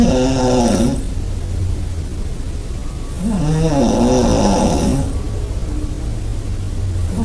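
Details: Person's own snoring recorded about 20 cm away in a shared bed: deep, rumbling vibrating snores every few seconds with each breath in, loud and steady; heavy snoring.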